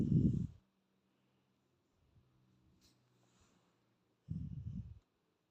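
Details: Snoring in a sleeping cat: two brief low, rough breath sounds several seconds apart in a quiet room; soft snoring.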